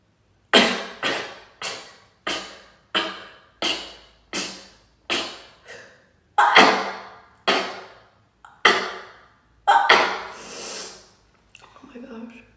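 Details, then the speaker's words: Person with really bad allergies sneezing about a dozen times in quick succession, each a sudden explosive burst, ending with faint movement noise; rapid repetitive sneezing. "Sorry guys, I sneeze a lot of times. I have really bad allergies."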